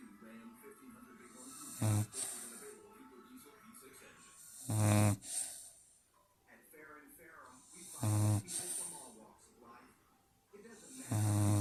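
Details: Loud, rough snores recur about every three seconds during a morning nap over faint background sound; ordinary snoring in sleep.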